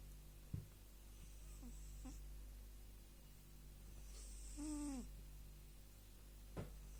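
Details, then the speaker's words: A sleeping cat gives two soft, low snoring breaths with a faint nasal whistle and a couple of small clicks in a quiet room; owner says this happens every night; snoring. "Дорогие друзья, сейчас вы увидите и услышите, как храпит кошка."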